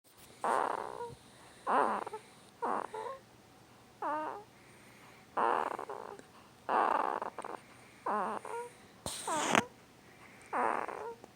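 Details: A 2-week-old newborn boy, hard asleep, makes about ten short squeaky grunts and snorty noises in eleven seconds with quiet pauses between: newborn sleep grunting.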